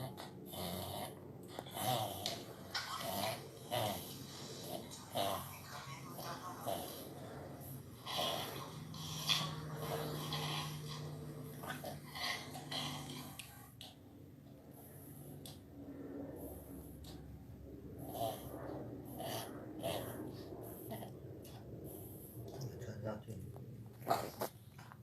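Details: A dog's reverse sneezing (paroxysmal respiration) episode: repeated rapid, harsh snorting inhalations with obvious short, snore-like throat sounds.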